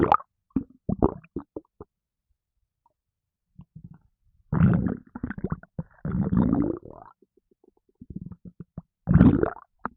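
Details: Irregular bursts of low gurgling and sloshing with quiet gaps after drinking a can of Red Bull energy drink, which made the person gassy; stomach gurgling (borborygmi), with burping also in the recording.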